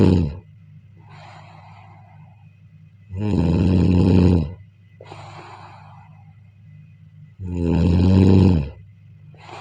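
Loud, rattling snores on breathing in, with softer breathing out between them, about 14 breaths a minute: ordinary heavy snoring.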